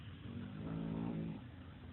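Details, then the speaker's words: Loud low rumbling snore on an in-breath from a sleeping grandmother; snoring. "Alright, guys. So, my grandma snores pretty fucking loud."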